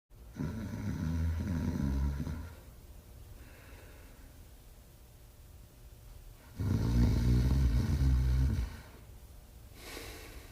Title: The Male Artois Hound Dog Sleeping & Snoring in 46 seconds